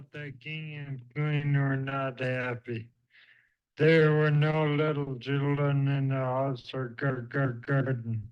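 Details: Man with flaccid dysarthria; slurred speech, imprecise consonants, monopitch and monoloudness, sounding weak as if unable to move his muscles efficiently; finding: flaccid dysarthria.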